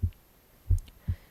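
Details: The narrator's own heartbeat recorded on the left side of the chest while reading aloud: soft, low, regular thuds about every half second in a quiet background; normal heart sounds.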